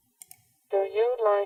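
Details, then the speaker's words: Two soft clicks, then the spoken phrase "Do you like camping?" sounding buzzy, muffled and tone-like, tuned to match what a cochlear implant user hears: cochlear implant simulation. "There seems to be just a a bit more of a metallic sound to the CI."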